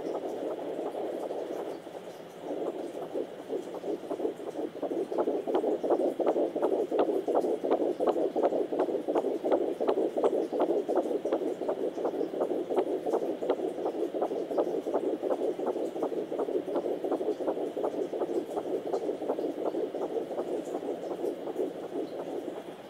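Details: A fetal heartbeat heard on a home fetal Doppler during pregnancy: rapid, regular whooshing thumps at about 167 beats a minute.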